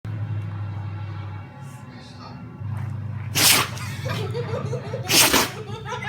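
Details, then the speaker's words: Dog sneezing: two sharp, explosive bursts about two seconds apart over a low steady hum, with soft snuffling between. "He's like, what is my nose doing to me?"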